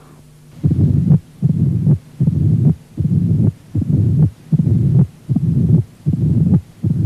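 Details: Mid-diastolic murmur with presystolic accentuation (mitral stenosis).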